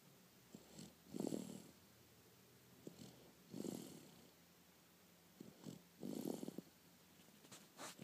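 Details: Sleeping baby boy snoring; soft, rhythmic snoring breaths, about four cycles in eight seconds, with faint snuffly noise between.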